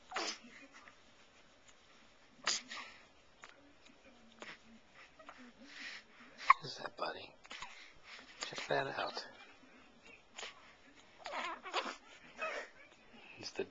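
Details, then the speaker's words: Newborn boy, three weeks and two days old, about seven pounds two ounces, hiccuping: brief, sharp catching sounds recur irregularly in a quiet room with some adult talk. "elliot with the hiccups looking outside or something there he is this is"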